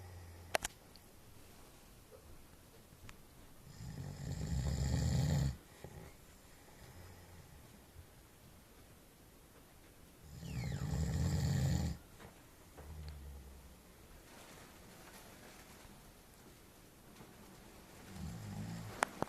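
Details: Loud, low, rattling snores on the in-breath, about every 6 to 7 seconds (roughly 9 a minute), with softer breathing between; snoring.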